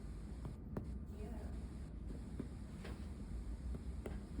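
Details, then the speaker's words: Chest percussion during a respiratory physical assessment: several short, flat taps over low room rumble, giving a dull note near the diaphragm, also dull at the front. "So you can hear a dull note here. You can also hear the dull note in the front."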